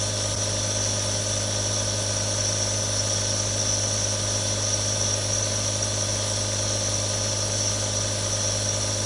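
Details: One of three real nebulizers running: a steady, unbroken mechanical hum with a low buzz and an airy hiss from the compressor.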